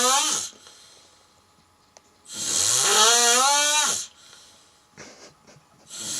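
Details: Sleeping cat with loud, whistling, hissy snores on each breath with a rising tone, about two in six seconds; noisy snoring.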